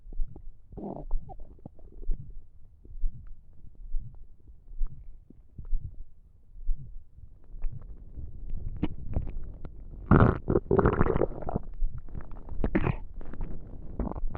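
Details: Repeated low gurgling rumbles from an empty stomach while trying to sleep, growing louder and bubblier toward the end; ordinary hunger rumbling (borborygmi).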